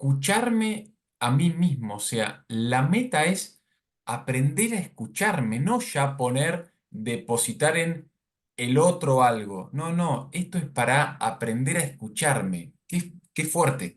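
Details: Adult speaker; normal speech.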